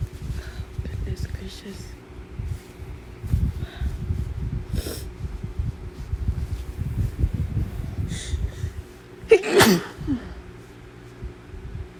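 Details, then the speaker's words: Adult sneezing induced by Chhinkni sneezing powder: breathy lead-ins and rustling, then a sharp forceful sneeze burst with brief follow-up; described as very intense. "Oh my goodness, I have to sneeze. Okay. Very intense. I don't know why."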